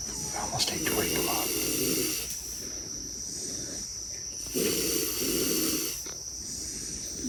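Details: Sleeping pigs waiting to be unloaded: long, rough, grunting breaths in slow cycles under a steady background hiss; pig snoring.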